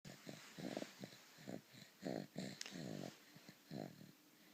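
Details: Son aged 3 months, 16.5 pounds, with laryngomalacia, heard on his back, sitting, and in his first minute on his stomach. Fast, rough, crowing noise with each breath in: inspiratory stridor from a floppy voice box.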